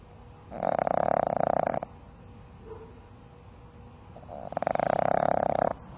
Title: Happiness is a snoring puppy.